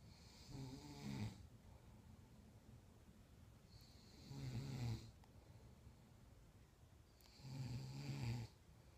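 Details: Grandmother snoring: three low, rattling snores, about one every three seconds, with quiet breathing between them; ordinary sleep snoring.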